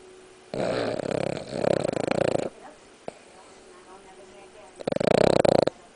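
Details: Loud, rattling, buzzy snores in bursts with quiet pauses between, consistent with vibrating soft tissue of the airway; snoring.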